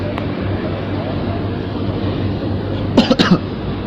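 Steady vehicle engine noise, then a quick run of about three short, sharp coughs near the end.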